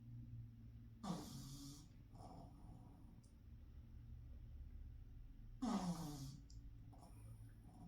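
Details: Two loud, rough, snorting breaths about four to five seconds apart over a low steady rumble: snoring in a sleeping pug.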